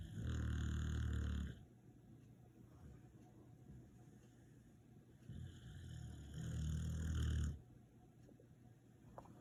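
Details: Deep, loud, rumbling snores lasting over a second each, with quiet breathing between; snoring during sleep.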